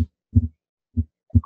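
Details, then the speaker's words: Normal heart sounds from a Harvey cardiology patient simulator at the upper left sternal border: clear, low lub-dub, with the second sound still louder than the first. The simulator's sounds are timed with respiration. "not only does he have uh these heart sounds uh present throughout all the classic ascultatory areas but harvey's heart sounds are also timed with respiration"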